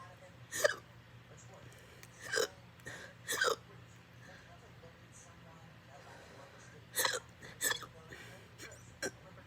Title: extreme hiccups after eating